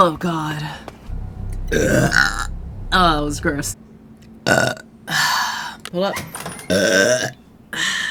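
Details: Series of loud, drawn-out voiced belches one after another with brief pauses: repeated burping.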